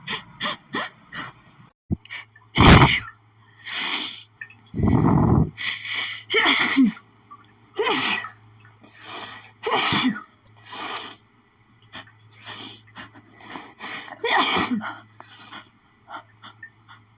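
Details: A sneezing fit triggered by flowers, itchy and tickly, which she tried to hold back and stifle: a rapid run of about a dozen sneezes with gasping breaths between them and a steady hum behind.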